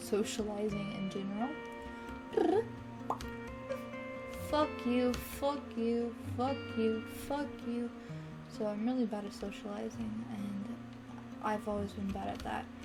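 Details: Teenager diagnosed with Tourette syndrome by neurologists, vocal and motor tics beginning minor in early childhood and worsening sharply at age 15; vocal tics include cursing, whistling and repeated phrases; complex vocal tics with coprolalia.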